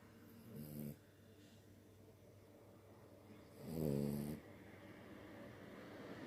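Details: Dog snoring while asleep: two rumbling, buzzy breaths a few seconds apart, the second louder, over quiet room noise.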